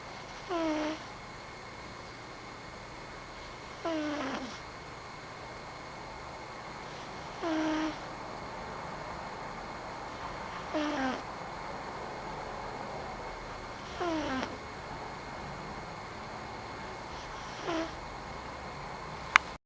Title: Snoring cat close-up